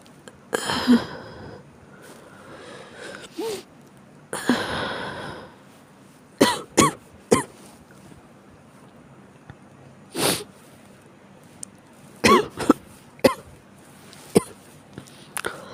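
Several coughs, some single and some in short clusters, with throat clearing between them; a persistent cough.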